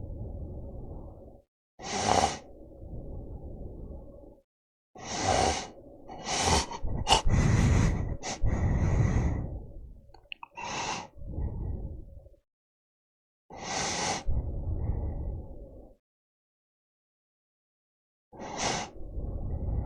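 Loud, rough, snorting breaths separated by silent gaps, a repeated snoring pattern.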